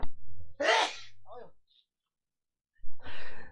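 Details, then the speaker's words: Adult coughing while on a live broadcast, mic believed switched off: two sharp, harsh coughs separated by a pause, faint low hum behind. "마이크 껐는데 기침 소리 들어갔는 거 모르겠습니다. 기침이 막 나와요. 죄송합니다."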